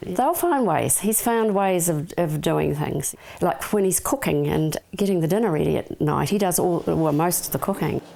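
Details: Adult woman speaking; normal speech.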